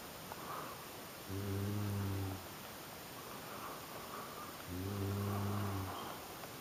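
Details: Adult woman (wife) snoring heavily during sleep: two long, loud, buzzing low-pitched snores over steady background hiss.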